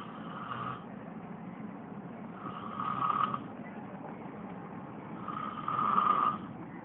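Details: Turtle snoring: three drawn-out, whistling snores a little under three seconds apart, growing louder each time, over a steady background hum.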